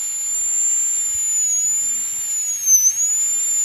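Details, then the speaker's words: High-speed dental handpiece doing a full metal crown preparation on tooth #46 of a phantom head: steady high-pitched whine with hiss dipping briefly as the bur meets tooth, reducing the upper wall before the finish line. "See, the top part of the wall is reducing first. The middle third and the occlusal third will reduce first."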